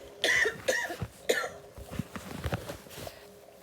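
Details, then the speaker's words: Girl coughing constantly while talking to camera, forced to stop recording: three sharp coughs in quick succession, then softer breathy throat sounds trailing off; a coughing fit. "I find explain it's going on and I just keep coughing constantly and I don't want to have to keep doing that by the camera"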